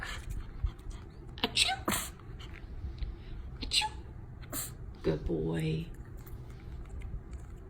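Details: Dog sneezing: several short, sharp nasal bursts, with a person's voice and room noise in the background.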